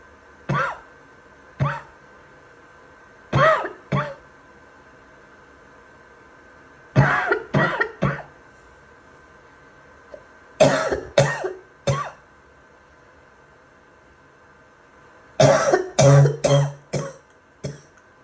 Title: Some wet and barking coughing